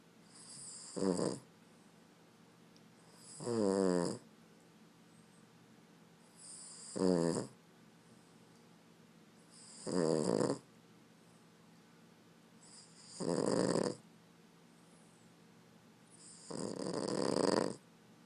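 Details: Loud rattling snores on each breath, about 18 a minute, from a sleeping Boston Terrier; snoring.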